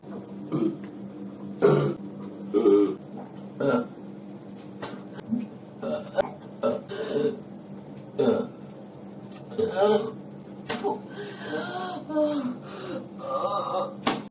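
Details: Frequent burping after eating ribs with milk, with stomach pain and later nausea, after drinking soda; about a dozen loud voiced belches in fourteen seconds.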